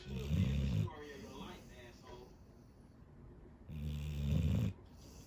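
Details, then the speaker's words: Labrador dog asleep on mother's bed keeps snoring, not recognizing the voice calling him: two loud, low rattling snores with soft speech between them; snoring. "такой ужасный голос что он не понимает кто его зовёт продолжает храпеть Это очень смешно"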